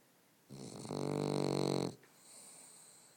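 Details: Boston terrier snoring: a single drawn-out, buzzing snore on a breath in, lasting about a second and a half, in a quiet room.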